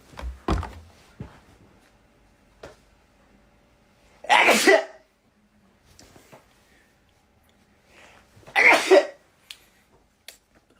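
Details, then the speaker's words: K-pop performer who mentions dry lips: two sharp, explosive bursts of air several seconds apart, each with a quick lead-in breath. Sneezes. "eyes oh God I have to"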